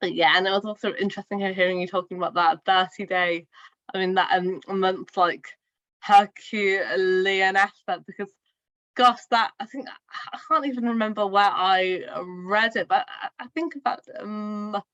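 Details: Woman who stammers; stuttering.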